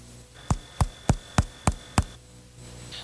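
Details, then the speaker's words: Normal resonant (claro pulmonar) percussion note over the chest in a nursing physical-exam lesson: six even, low, hollow taps, produced by air in the lungs; percussed symmetrically from apices to bases. "e o são claro pulmonar é aquele considerado normal na percussão dos pulmões corresponde a sonoridade provocada pela presença de ar nos pulmões"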